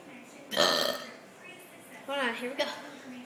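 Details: Burping with milk: a loud burp, then a shorter second burp with a voiced tail, over quiet room noise; burping.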